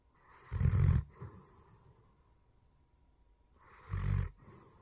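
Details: German Shepherd dog asleep: two deep, rumbling snores about three seconds apart, each followed by a softer outward breath: snoring.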